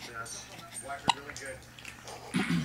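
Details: Single sharp, abrupt hiccup from a person, who is smiling, against quiet room sound and soft voices; a brief involuntary catch of breath typical of hiccups.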